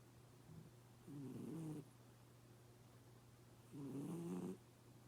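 Two low, rumbling snore breaths from a sleeping cat, a few seconds apart, over steady room hum; ordinary snoring.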